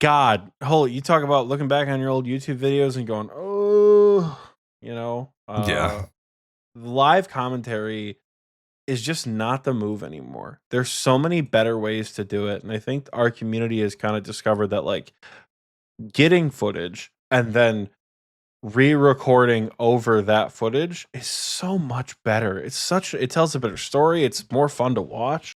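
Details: Adult male speaker; Normal conversational speech.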